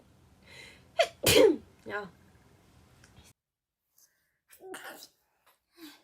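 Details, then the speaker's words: A sharp indrawn breath followed by one loud explosive sneeze, then brief quiet sounds; an ordinary sneeze. "I have to sneeze. Does anyone else sneeze when they look? Tired on like the 4th one."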